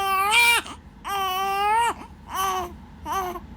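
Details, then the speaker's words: Newborn baby still hungry after breastfeeding; four rhythmic high-pitched wails separated by brief breaths, about 45 cries a minute; hunger cry. "Gusto mo hulumul sa dede ha? Gusto mo hulum-hulum ka? Gutom pa ako."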